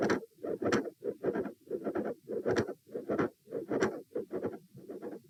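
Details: Heart sounds recorded at position A with the patient sitting: regular rhythm near 95 a minute with a loud S1, a midsystolic click and a fixed split S2.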